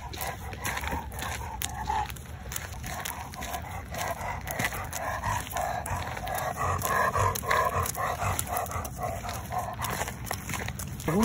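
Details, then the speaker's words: Older yellow Labrador Retriever with laryngeal paralysis, excessive panting and exercise intolerance: loud, rasping, rapid breathing with harsh noisy breaths in, inspiratory stridor. "Chester has the classic signs of laryngeal paralysis. He has excessive panting, exercise intolerance. He has these really loud breathing sounds, and if you listen again in the video, you can hear him making that."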